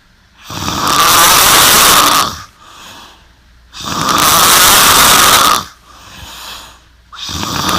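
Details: Loud, harsh, rattling snores on each in-breath, about 18 breaths a minute, with softer out-breaths in between: heavy snoring.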